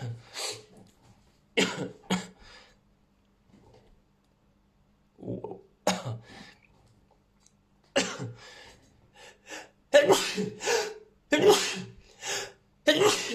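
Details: Sneezing after using Chhinkni: a run of sharp, explosive sneezes with brief inhaled build-ups, several in quick succession; repeated sneezing.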